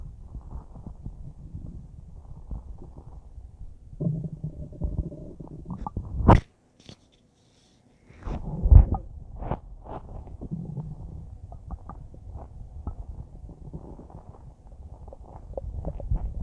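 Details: Normal bowel sounds: low rumbling and irregular small gurgles from a full stomach about a minute after eating a huge bowl of spaghetti.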